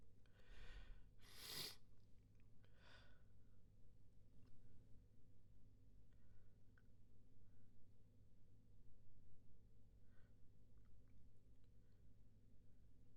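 A few short, muffled bursts through the nose over steady room hum, with faint sniffs after; a fit of stifled sneezes.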